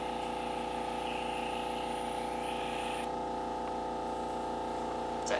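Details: Crystal microdermabrasion machine running during a facial treatment, beginning on the other side of the face at the cheekbone. A steady electric hum with a fast pulsing buzz; normal operation.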